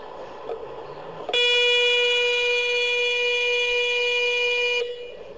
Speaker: uno es este que es la preparación de la secuencia la resonancia magnética lanza secuencia para obtener las imágenes bien pues la preparación de una secuencia es esto